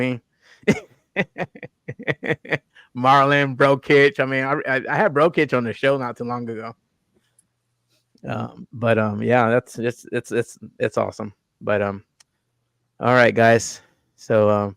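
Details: Adult male host with self-reported stuttering, more marked in his earlier videos and worse with unfamiliar people or new situations; audible word repetitions; stuttering.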